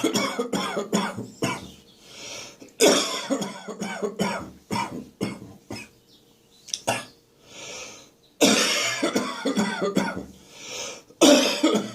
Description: There's plenty of catarrh still left in my chest and throat. It needs a good stir when I wake up in the morning.